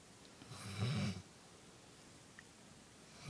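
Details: A single low rumbling snore on inhalation, then quiet breathing, from a sleeping dog exhausted after agility.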